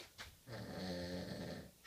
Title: Самая лучшая пародия на храп